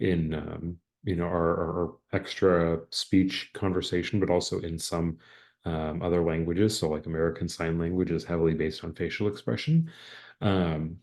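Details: Adult speaker; normal speech.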